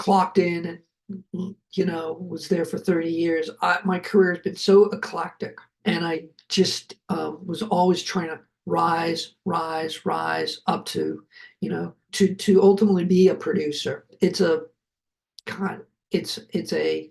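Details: Adult male heart attack survivor with aphasia, speaking after noting his aphasia was kicking in; aphasia.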